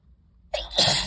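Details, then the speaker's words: A quiet lead-in, then a sudden explosive hissing burst of air after deliberately inhaling dust from dusty books, in someone with allergies and a dry nose: a single forceful sneeze. "oh my God this feels delicious um oh I'm gonna sneeze"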